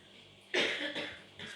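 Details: Two or three harsh, throaty cough bursts in a quiet room from a person described as having coughed for 17 years; chronic cough.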